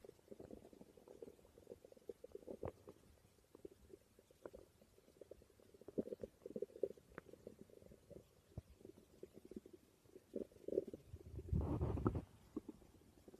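Quiet, irregular gurgles and bubbling rumbles with one louder growl near the end: ordinary bowel sounds of stomach growling.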